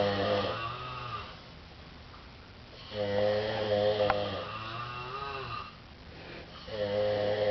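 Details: Two sleeping men in a living room snoring in alternation with different snores and breathing patterns; long, loud buzzing snores about every three to four seconds in a quiet room.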